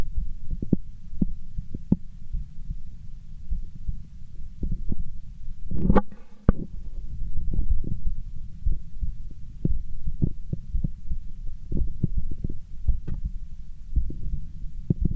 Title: heartbeat sound